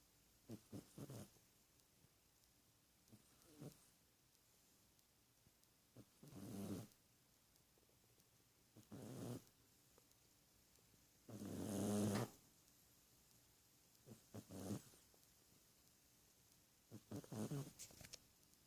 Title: Gatito roncando / Cat snoring